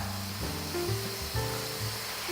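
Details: Hissing air and water spray with low droning tones from a dental unit in a small dental surgery, during a demonstration of the surgery's equipment.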